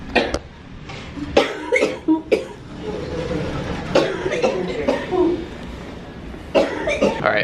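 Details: Adult woman with cystic fibrosis at the hospital for high-altitude simulation oxygen testing, coughing just after being weighed; repeated short cough bursts in clusters, mixed with nearby talk and room noise.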